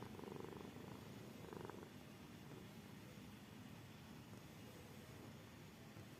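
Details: Sleeping cat snoring: soft, steady low rumbling breath noise under background hiss, sounding close to purring.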